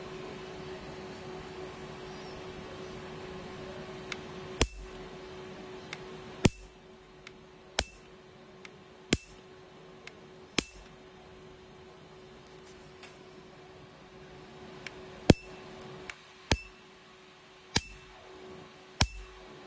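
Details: Sharp snapping clicks at irregular intervals over a steady machine hum; pulses of a QM-Q2 laser tattoo removal device firing during treatment.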